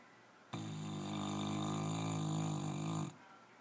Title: Gracey snuggling and snoring